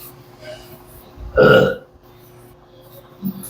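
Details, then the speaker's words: Client burping after a full-body bone-setting adjustment, attributed by the therapist to relaxation of the body and digestive organs: a single loud, drawn-out burp over steady room hum with a small follow-up sound. "nare-relax daw kasi yung katawan natin So pati yung mga organs natin nare-relax So pati yan kaya burp ka ng burp yung stomach mo yung digestive ano natin nare-relax din kaya yan normal lang"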